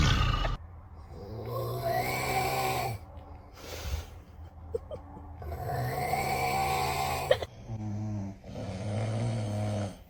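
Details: Loud, rattling snores on repeated breaths with snorts between them, heavy snoring from a sleeping person; snoring.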